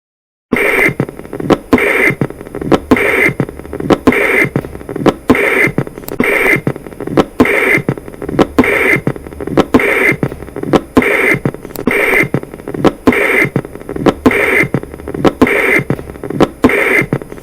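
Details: Patent ductus arteriosus heard on heart auscultation: a continuous rumbling machinery murmur that swells with each beat and never falls silent.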